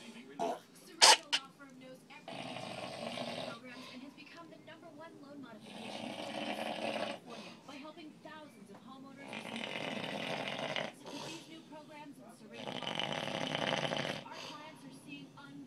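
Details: Person asleep: repeated loud, rough breathing bursts every few seconds, with a sharp noise early on; snoring.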